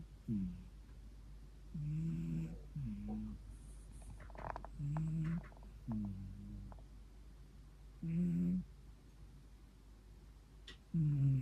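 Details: A 14-year-old rescued cat snoring while asleep: soft, low, buzzing breaths, roughly 20 a minute, with music; snoring.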